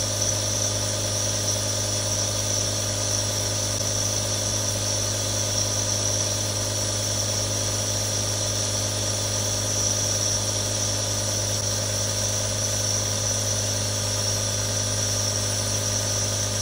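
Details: Real nebulizer recording for relaxation ASMR: a steady mechanical hum with constant airflow hiss and no breaks, a nebulizer compressor running continuously.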